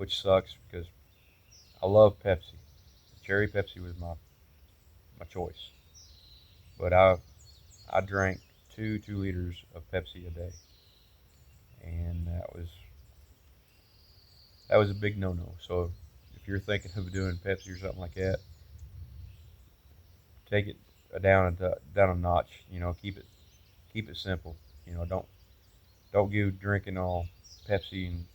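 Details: Adult man, about 8-9 months after a stroke the previous November that also weakened his right side, with post-stroke aphasia and word-finding difficulty: he knows what he wants to say but must wait for words; worse when frustrated, improving.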